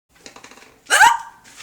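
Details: Hiccups returning after eating Chinese food: a single abrupt voiced hiccup gulp after faint rustling.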